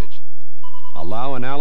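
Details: Steady electronic alert tone then start of a synthetic voice prompt from a LIFEPAK 300 automatic advisory defibrillator, tested on a patient simulator in normal sinus rhythm with motion button pressed, motion-detected message.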